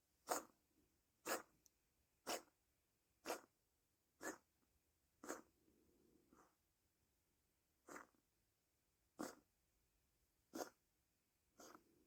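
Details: Cat coughing that the vet said not to worry about but the owner thinks is abnormal: about ten short, dry, sharp expulsive bursts roughly once a second, with faint breathing between.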